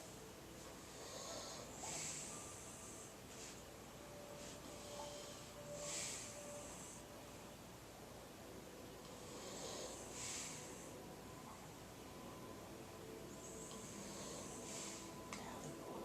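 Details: Two sleepers napping together: hissing, snorting breaths recur about four times in 16 seconds over steady room noise, with a soft rhythm in between; snoring.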